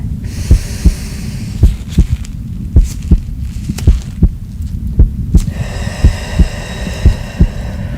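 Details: Regular low thumps of a heartbeat, roughly paired beats, with faint background hiss, steady and slightly quick, within a nurse role-play ASMR recording, likely not a real clinical exam.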